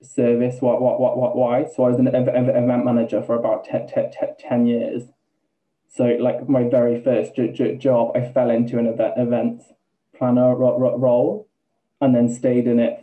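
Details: Man, 28, with Tourette's for about two years; vocal tics began once he relearned to talk after seizures; involuntary words and repetitions; vocal tics with stammering (Tourette syndrome).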